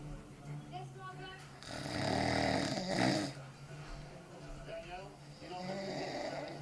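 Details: Snoring from a drunk adult male (dad) after far too much beer: a deep, rattling snore that swells and fades over a few seconds, with softer breathing and faint background voices.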